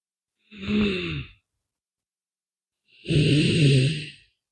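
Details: An adult snoring during a short nap: two loud, rough, low-pitched rattling breaths about two seconds apart, each with a hissing airy edge.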